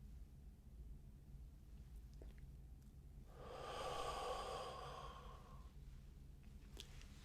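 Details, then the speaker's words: Faint clicks of a metered dose inhaler pressed into a spacer, then a slow, deep two-second breath in and quiet while the breath is held about 10 seconds, in a demonstration of correct technique. "and then you will put this part over your mouth, click the button, and then take a deep breath in and hold it in for about 10 seconds."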